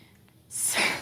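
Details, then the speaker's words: Person with Tourette syndrome: a sudden, brief, breathy hiss of air breaks a quiet pause, one of their tics; a simple vocal tic. "that would be tourettes that would be one of my ticks"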